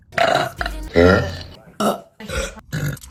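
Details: Female, several loud, voiced, deep rumbling belches in a row with short gaps: burping.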